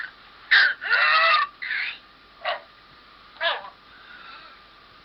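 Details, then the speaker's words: Pertussis (whooping cough) recording played as an example of its characteristic cough: harsh coughing bursts with a long, high-pitched crowing in-breath between them, the inspiratory whoop ("gallito"). "Ese intento como por jalar el aire es a lo que se le llama como el gallito."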